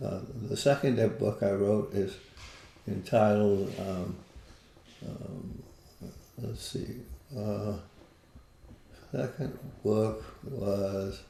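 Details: Parkinson's disease, a neurodegenerative disease, in an adult man living with it for more than 20 years, with visible shakes; Parkinsonian speech, hypokinetic dysarthria.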